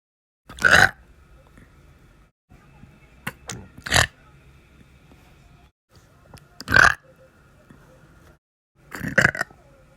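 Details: Four loud, deep, rumbling belches at irregular intervals, with quiet room noise between them: repeated burping.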